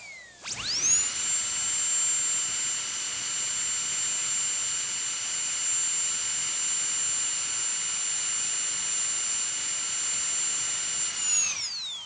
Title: Annoying Sounds Noise The Dentist Drill The One We All Hate. Please Enjoy.